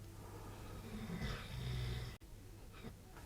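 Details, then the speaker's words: Low, rumbling snore from a sleeping dog in the background, faint against quiet room noise: snoring. "and if you can hear snoring in the background it's not me it is Reggie so apologies for that"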